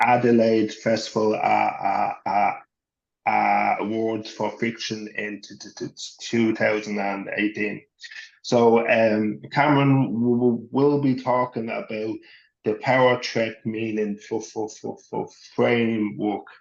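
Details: Adult male who has stuttered since he could talk, was covert for much of his life, and had speech therapy from age 11; reports panic attacks, an anxiety disorder and intermittent mild depression; appears largely fluent now; stuttering.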